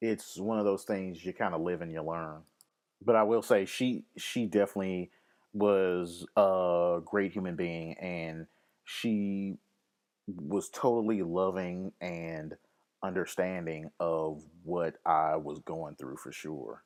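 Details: Adult man with lifelong occasional stammer, which he links to his anxiety; word repetitions are heard; stuttering.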